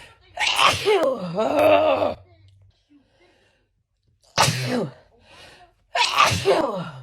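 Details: Woman with summer allergies: three loud voiced sneezes in quick succession, the first drawn out with rising and falling pitch; allergy sneezing fit.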